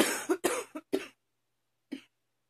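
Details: Person with increasingly frequent allergies, coughing again: four short, dry coughs in quick succession, then one more after a pause; repeated cough.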